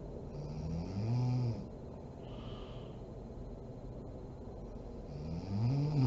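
Two loud, rumbling snores on breathing in, separated by a quiet pause, over steady room noise; ordinary snoring during sleep.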